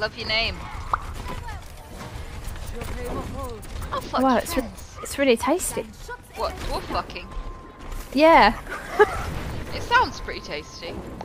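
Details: Female streamer with Tourette syndrome whose attempted speech is repeatedly interrupted by involuntary swearing tics; vocal tics with coprolalia (Tourette syndrome).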